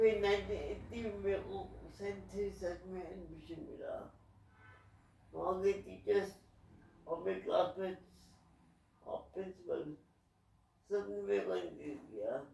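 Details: Adult man with cerebral palsy; dysarthria due to cerebral palsy.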